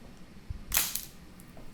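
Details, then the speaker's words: Chiropractic activator instrument click on a woman's foot with plantar fasciitis, applied to a protruding bone on the right foot and the arch: a single sharp mechanical click with brief snap, soft room noise. "I'm going to use an activator. Hit it right in there. And there. One in the arch."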